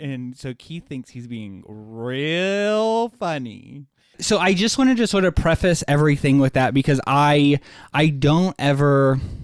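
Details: Stuttering in an adult man who has stuttered his entire life, much worse in childhood and milder now, with blocks and awkward pauses, using "like" as a springboard out of stutters.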